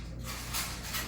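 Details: Teeth grinding (bruxism) in a patient with a complete denture: gritty scraping and creaking bursts as teeth slide against the worn denture during right-left jaw movement; marked wear of lower teeth and upper prosthesis.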